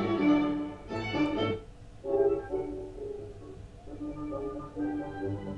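Muffled orchestral strings with dulled treble, a simulation of moderate gradual or flat sensorineural hearing loss.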